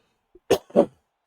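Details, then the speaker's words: Adult who says their breath is crackly and wheezy, that medication disrupts their sleep, and that they sound like an old man with emphysema: two short, harsh cough bursts in quick succession after a faint breath. "Can you hear that? My breath is just crackly."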